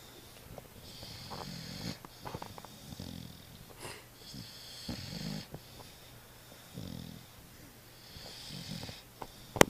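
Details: Two napping Alapaha Blue Blood Bulldog puppies snoring: soft, rhythmic rattling snores, about eight breaths a minute, with faint high whistling on some breaths.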